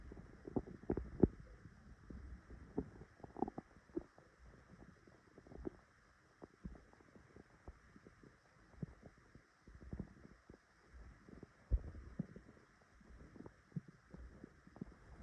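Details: Soft, irregular low gurgles and rumbles with faint background hiss, recorded on a phone just after waking to a rumbling stomach; ordinary morning borborygmi (stomach rumbling).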